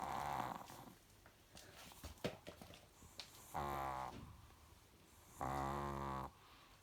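Rough, rattling snores with a quieter breath between them, in a small room. Snoring in a sleeping small dog.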